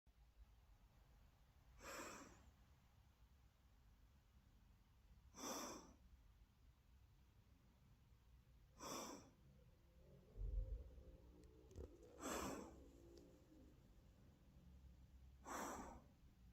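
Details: Sleeping on someone's shoulder: five noisy, rough, snorting snores over about 16 seconds, roughly 12 breaths a minute, in a quiet room.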